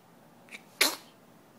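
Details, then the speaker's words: Person with hiccups gives a brief intake of breath, then one sharp, explosive sneeze; the hiccups continue afterward. "Looks like the sneeze cured the hiccup. Nope."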